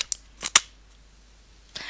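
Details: Several sharp plastic clicks as the HandiHaler button is pressed to pierce the capsule during a demonstration of correct inhaler use.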